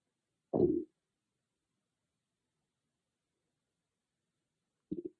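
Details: Stomach growling recorded on an iPhone microphone, not an ASMR mic: two low gurgling rumbles separated by silence; ordinary bowel sounds from gas and fluid moving through the gut.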